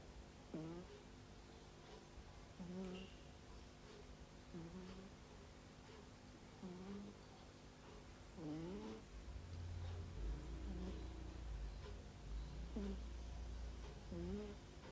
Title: Kucing bisa mendengkur juga loh..